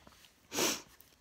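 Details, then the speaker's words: Adult sneezing at 3:10 on a Tuesday morning after a long weekend of sneezing, in hot weather: a single short, hissing burst of air through the nose in a quiet room; sneeze. "just started sneezing. Oh, well, it's now this is now Tuesday morning at 3:10 in the morning. It's been a really, really long weekend."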